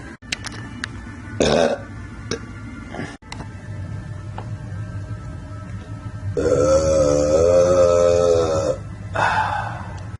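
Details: Young Latino burping loudly in a compilation: several short belches, then one long, loud, drawn-out tonal burp, with music and room noise behind; burping.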